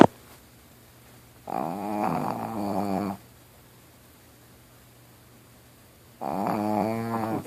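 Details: 16-year-old Pekingese dog dressed as a Christmas elf, sleeping: two long, rattling, buzzy breaths separated by quiet pauses; snoring.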